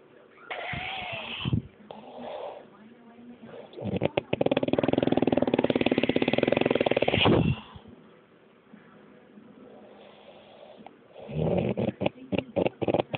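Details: Man recorded by his partner while asleep at night, audio only: loud, rattling, fluttering snore with a long buzzing breath in, then quieter breathing and more rattling.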